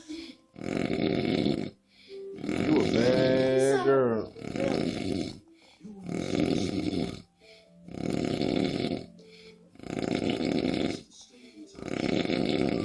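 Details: Heavy snoring from a sleeping man: loud, rough, rattling snores with each breath, about six in thirteen seconds, one with a whistling rise.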